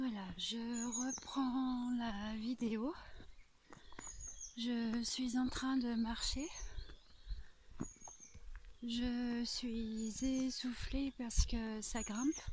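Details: Adult French-speaking woman with a stutter (bégaiement) that severely limited her life until two or three years ago, now applying a fluency technique learned with a speech therapist; stuttering.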